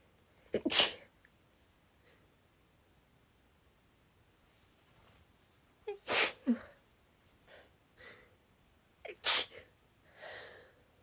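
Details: Female sneezing: three sharp, partly stifled, tickly sneezes, each with a brief breath in before and soft sniffs after, in a quiet room.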